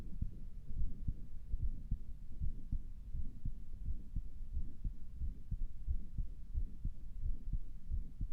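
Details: Self-recorded with own stethoscope by a person whose heart sounded weird to them; heart sounds, possible murmur unconfirmed.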